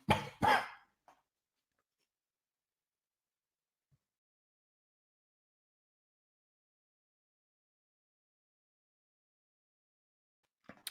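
Two loud, sharp cough bursts in quick succession, then quiet; an ordinary adult cough.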